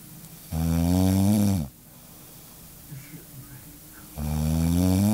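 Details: Adult woman snoring in sleep one night, though she normally never snores: loud, deep, buzzing snores on the in-breath with quiet out-breaths between.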